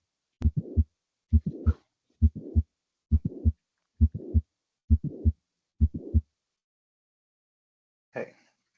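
Regular heartbeat near 67 a minute with an extra sound and murmur in systole, typical of mitral valve prolapse.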